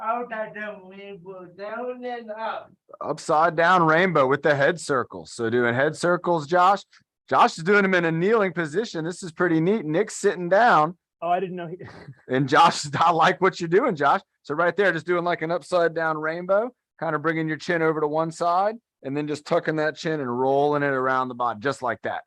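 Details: Adult speaker; ordinary speech.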